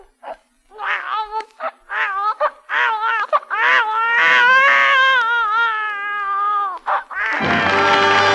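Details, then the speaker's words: Infant crying broadcast on a January 1943 wartime radio program for a serviceman longing to hear a baby's cry: short bursts, then a long wail, followed by applause and music. "At least I know the sound of my baby's voice would be a thrill beyond description. Well, Captain, it's quite a coincidence. Command Performance is a universal program, and right at this time, your baby speaks a very universal language."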